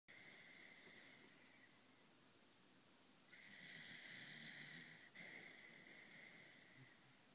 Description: Mr. Kirby, our 3 1/2-year-old Corgi, deep asleep...and snoring like a buzz saw!